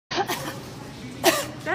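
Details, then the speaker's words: Adult woman without a mask deliberately coughing at customers in a shopping center: two short cough bursts separated by a brief pause, room noise behind; cough. "she's coughing on me she's coughing at me"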